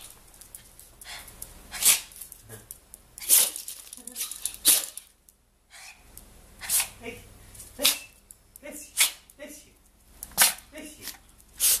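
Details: Dog with allergies, sneezing indoors and out: repeated short, sharp nasal bursts, about nine in twelve seconds, with snuffling between.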